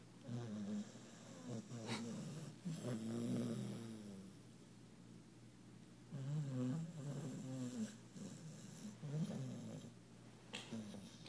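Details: Female puppy worn out after a fun day, deeply asleep, twisted up and twitching, snoring: repeated low, rough, rattling snores with fluttering nasal and throat breath sounds.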